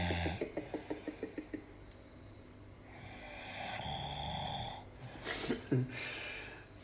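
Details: Man passed out asleep after drinking Jägermeister, snoring: a brief low snore, then a quick series of snorting puffs and noisy breaths; irregular snoring in deep sleep.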